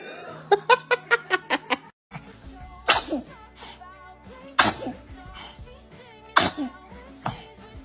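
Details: Several short, sharp infant sneezes over background music and light adult voices saying bless you; ordinary baby sneezing from a compilation of babies sneezing.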